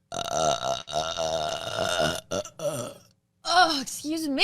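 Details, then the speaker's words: Person burping: several loud, drawn-out voiced belches, one after another, with short gaps between them. "uh oh my God excuse me this kombucha sorry keep going through this pandemic uh oh my God excuse me let one rip"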